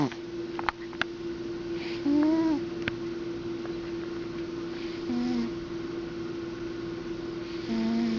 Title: Snoring Cat